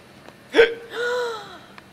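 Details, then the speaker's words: Person with hiccups: a single sharp, abrupt gulping hiccup followed by a short voiced sound. "do you have the hiccups yeah it's tragic try holding your breath"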